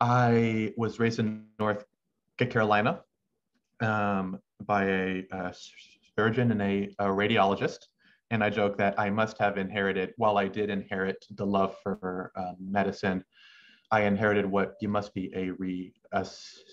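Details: Adult male medical student who has stuttered since about age six, with uncontrollable pauses and a halting cadence; stuttering.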